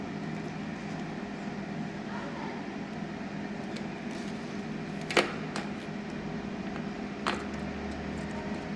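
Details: Compressor-based bubble CPAP (Oxyblend 1501 blender with humidifier) running normally, flow set and bubbles visible: steady compressor hum with faint bubbling hiss and a few clicks.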